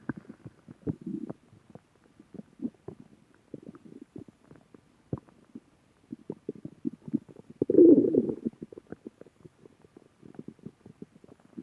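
Irregular low gurgling and bubbling rumbles with a louder surge midway, typical of stomach growling from normal gut movement.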